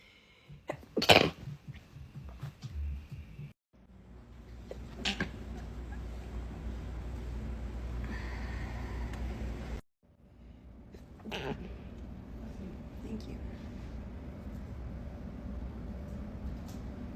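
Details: A woman sneezing into her elbow, from a sneeze compilation: one sharp, muffled sneeze, then quiet room noise and someone saying "bless you"; an ordinary sneeze.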